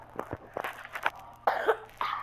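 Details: Cough from a child with a cold (runny nose and cough) while playing a game: a few short, harsh coughs over faint game sounds.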